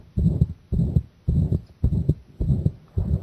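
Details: Own heart sounds recorded with pressure applied, already pounding from the start; loud, heavy double thumps repeating regularly at about 107 per minute; strong, pounding heartbeat.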